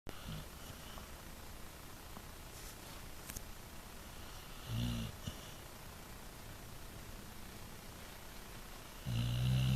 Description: snoring Zena /pitbull